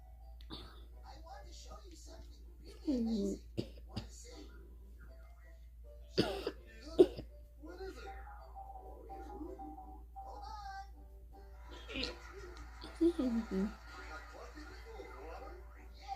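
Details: Dog coughing and gagging on mucus: several harsh, hacking coughs followed by gagging, retching sounds.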